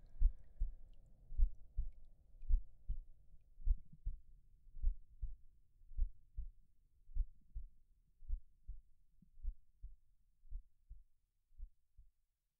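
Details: Soft, regular low paired thumps about 50 a minute in a simulated ASMR roleplay audio; slow heartbeat.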